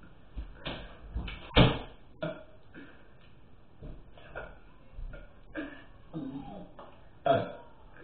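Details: Person burping deliberately: a few low, rough burps over a noisy room background, two standing out clearly; belching.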